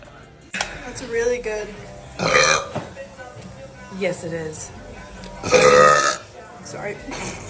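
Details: A woman's several loud, drawn-out belches with a voiced, rumbling quality and light music in the background; repeated burping.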